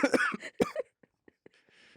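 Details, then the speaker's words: Quick run of harsh, partly voiced adult coughs in a small room, then near silence; ordinary cough. "whoa do you hear that cough arms up arms up what does that mean it helps you stop coughing"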